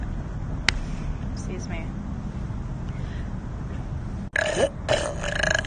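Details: Adult woman burping: a loud, drawn-out belch with a rough, gurgling voiced quality after quieter room noise; a burp releasing swallowed air.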